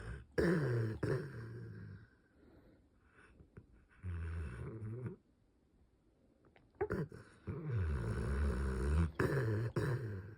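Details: Sleeping dog: loud, rough, rattling snores with each breath, separated by quiet pauses; ordinary snoring.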